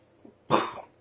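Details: A single abrupt, forceful cough-like vocal burst from an adult with Tourette's syndrome: a simple vocal tic.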